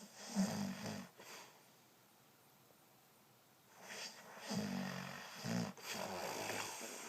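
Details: Man who denies snoring, recorded asleep: low buzzing snores on the in-breath with a snort, then a long quiet pause before the next snores; ordinary snoring.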